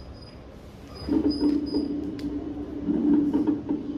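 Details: Wheezes on lung auscultation in a Spanish respiratory physical-exam teaching lesson: musical, squeaky whistling tones in two bursts over the breathing, like faint high mews.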